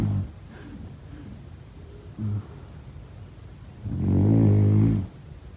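Faint breathing noises, then one long, low, fluttering rumble on an in-breath lasting about a second: a typical snore during sleep.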